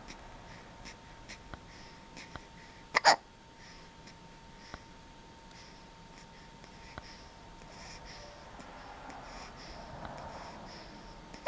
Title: Sleeping with hiccups